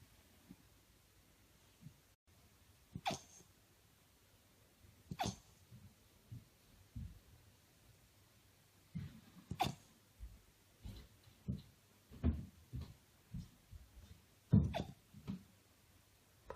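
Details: 8-week-old puppy with hiccups: repeated short, soft, jerky catches about every two seconds, with a few sharper snorts.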